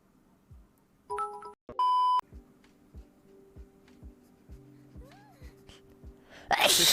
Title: Got that Sneezed Recoil